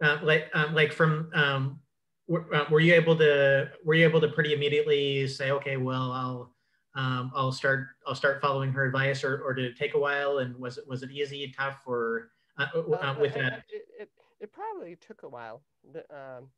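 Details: Cluttering in an adult man who identifies himself as a clutterer; repetitions and fillers heard.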